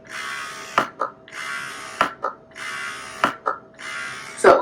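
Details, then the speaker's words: Wearable breast pump motor running: rhythmic buzzing whir in bursts about once a second, each ending in a click, as the pump cycles suction. "but you do hear it um because there's a motor so you kind of hear the um you know"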